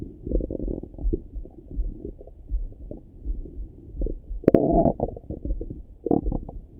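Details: Morning stomach rumbling through a stethoscope: low, irregular gurgles and rumbles with a louder bubbling burst midway; ordinary borborygmi.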